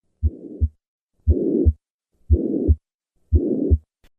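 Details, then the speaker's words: Simulated pansystolic murmur of tricuspid regurgitation at the lower left sternal border, about 58 beats a minute. Three normal beats come first, then a harsh murmur fills all of systole, increasing on inspiration with respiratory variation. "This murmur is heard at the lower left sternal border. As with most right-sided lesions, this murmur increases during inspiration. Notice the respiratory variation of this murmur."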